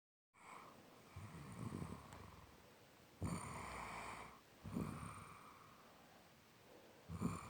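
Slow, rough rattling breaths in sleep, roughly three cycles in seven seconds, typical of snoring.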